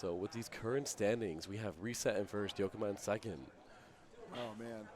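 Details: Adult male speaker; normal voice.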